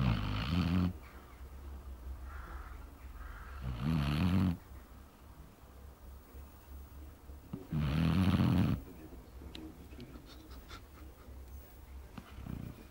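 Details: A basset hound snoring in sleep, its head covered by its own ear because flies kept it awake: deep, rattling snores about every four seconds, with quiet breathing between.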